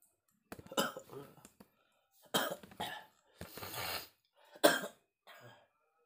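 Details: Adult man feverish with a cold (masuk angin) at dawn during rainy season: several rough coughs and throat-clearing sounds with breathy gaps in a quiet room.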